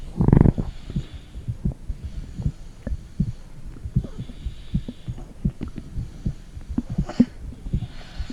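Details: Heartbeat recorded with a phone microphone on the stomach: soft low thumps of a heartbeat mixed with small gurgling and clicking bowel sounds.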